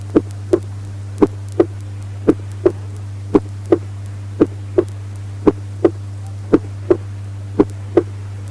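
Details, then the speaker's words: Normal heart sounds at the apex: regular paired lub-dub at about 57 beats a minute, with S1 louder than S2. "Revision section. Heart sounds. Normal heart sounds at the apex. S1 louder than S2."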